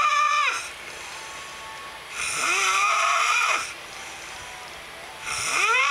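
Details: Man snoring at 4:58 AM: loud, high-pitched squealing snores with rising and falling whistly tones between quieter breaths, about three in six seconds; snoring.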